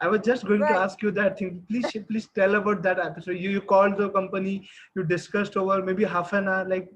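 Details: Adult interviewer; normal speech.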